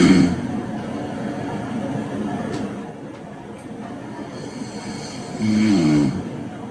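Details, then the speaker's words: Teaching example of partial upper airway obstruction by a solid blockage, the tongue: two coarse, low rattling snores over a noisy background; snoring. "Jadi snoring itu ada seperti suara ngorok ya. Itu misal sumbatannya adalah sumbatan padat. Dalam hal ini adalah lidah."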